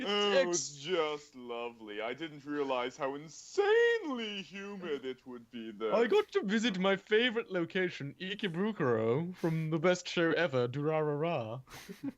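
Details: Adult male speaker in a put-on voice; normal fluent speech.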